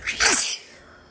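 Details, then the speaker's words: A woman's allergic sneeze: a single forceful sneeze with a wet, spraying burst that fades quickly. "gonna sneeze. Gonna sneeze again. Oops. Had a little boogie again. I have to sneeze."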